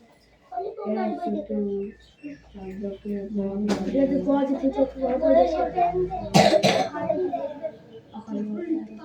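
Brief, sharp cough bursts break through ongoing speech in a small room; a plain cough.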